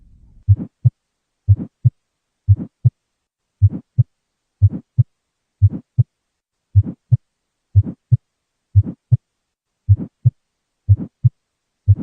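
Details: NCLEX audio clip: regular heartbeat at about 60 a minute with a soft whooshing sound filling the gap between the two heart sounds, a heart murmur.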